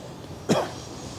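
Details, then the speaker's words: A single short cough from an adult man with a hoarse voice, unwell since Friday, against quiet room noise. "I'm coughing because uh as you can tell by my voice uh it's been a slow Road since Friday"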